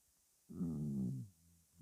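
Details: Weird-sounding stomach rumbling: a single low, drawn-out gurgling rumble under a second long; normal bowel sound (borborygmi).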